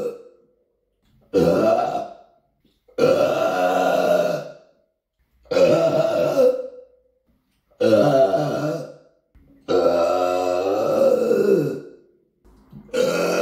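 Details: Repeated burping: six long, loud, rumbling belches in a row with short silent gaps between them.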